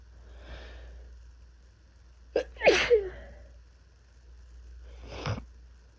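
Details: Sneezing with an intense first cold of the year, with body aches, chills, fever and coughing: a sharp intake, then a forceful sneeze, followed by a softer, partly stifled sneeze.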